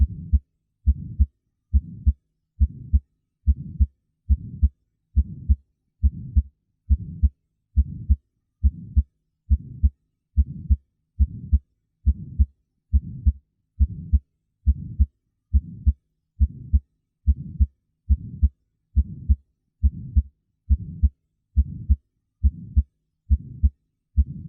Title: Innocent Heart Murmur (and Physiologic Murmur) - Heart Sounds - MEDZCOOL